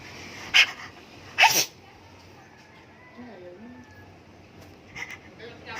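Two sharp, explosive sneezes close together, then quiet room sounds with faint higher calls.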